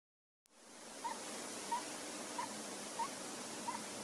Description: It's the first time I hear my Roborovski hamster Samson snoring in his burrow